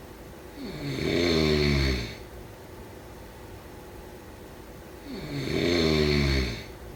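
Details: Two loud, rumbling snores on breathing in, about four seconds apart, with quiet breathing between them; snoring.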